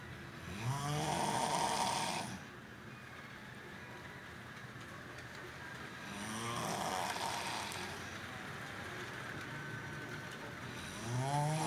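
Two loud rattling snores on breathing in, separated by quieter breathing, with a third starting at the end; ordinary snoring during sleep.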